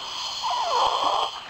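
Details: Child sleeping at night with chest area sucking in hard, eyes sometimes slightly open; parents worried about oxygen: loud, rough, whistling laboured breaths; noisy laboured breathing in sleep.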